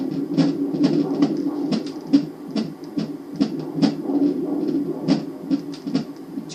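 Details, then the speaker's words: Angelsounds fetal Doppler pressed hard on the lower belly, distinct from the placental whooshing: rapid rhythmic whooshing beats about 140 a minute, a fetal heartbeat in the normal range. "the heartbeat is a little different and you'll you'll hear it there it is I found it pretty quick this time cuz it's in the same spot"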